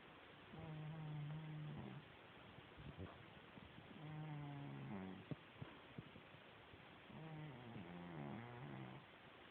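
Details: Cat snoring: three soft, buzzing, low snores about every three seconds, roughly twenty breaths a minute, with quiet pauses between.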